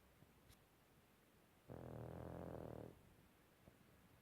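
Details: Single rattling, vibrating snore lasting about a second from a sleeping pug in a quiet room.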